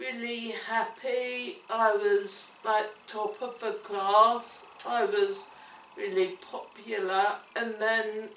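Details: Woman with cerebellar ataxia affecting her coordination, speech and swallowing, onset in childhood, diagnosed at age 12; ataxic dysarthria.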